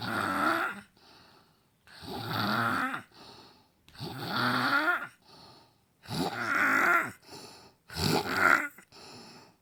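Loud, regular rattling snores on each in-breath, each followed by a softer out-breath, about six breaths a minute; ordinary snoring.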